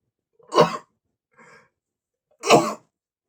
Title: male sneezing #45 (Allergy to flowers, powerful sneezes in 3, 2, 1!)